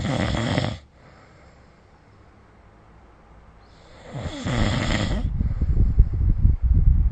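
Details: Loud, low, rattling snore bursts during sleep separated by quiet pauses, then rough noisy breathing, recorded with the SnoreLab phone app. Snoring.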